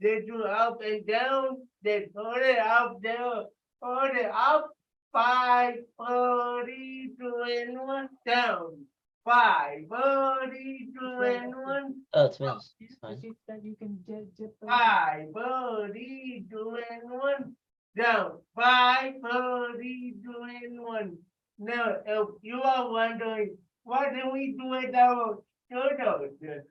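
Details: Adult with cerebral palsy, dysarthria; loud call-out during a live workout.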